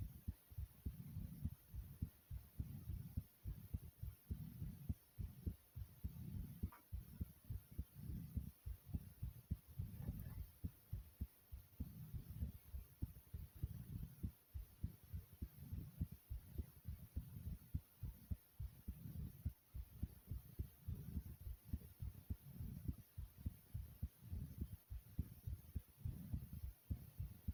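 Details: Rapid, pounding heartbeat at about 105 beats a minute, faster than resting rate, tachycardia.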